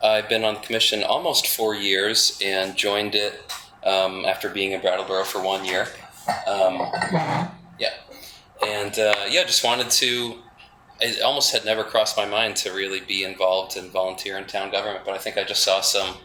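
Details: Adult male speaker; normal speech.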